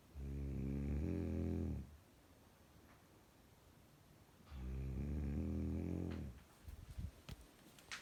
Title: SNORING GIRLFRIEND!